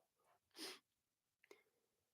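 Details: A single faint, hissing sneeze-like burst with a soft sniff after it, heard at low level in a quiet room, from an adult man who is sick.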